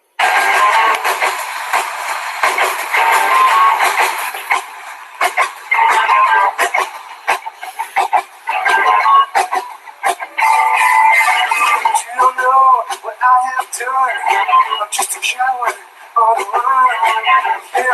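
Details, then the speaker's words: Music simulating a person with 30 dB hearing loss plus tinnitus: thin, muffled sound with a faint steady high whistle. "ahora os voy a poner como lo iría una persona que tuviera demás un tinnitus"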